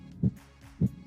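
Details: Normal heart sounds at the aortic area.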